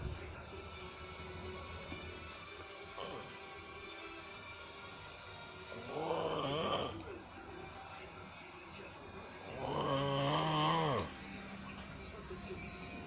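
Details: Baby wakes from sleep hearing father snore: two loud, rattling snores a few seconds apart over quiet room noise and faint music; snoring during sleep.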